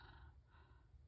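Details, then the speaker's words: A sleeping dog snoring: a faint, low rumbling breath noise heard briefly in a quiet room. "Can you hear my dog snoring?"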